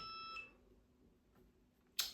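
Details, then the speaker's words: Continuous glucose monitor alert in a person with type 1 diabetes: a short electronic beep in a quiet room as blood sugar reads 3.8 with double arrows pointing down, signalling a hypo. "Oh, and look what's happened. You see, it's a lifesaver. 3.8. And I've got the double arrows going down."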